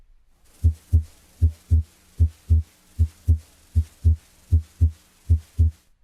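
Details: Male patient examined by stethoscope diaphragm over the pulmonic area: regular paired heart sounds at about 77 a minute, S2 split on inspiration and single on expiration, a physiologic splitting of S2.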